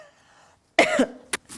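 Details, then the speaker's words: Single harsh cough with a whistling, wheezy tone, then a short second cough, from an adult teacher who says she is not sick; cough with wheezy tone. "wheezing it sounds like so I can hear myself but I'm not sick anyway"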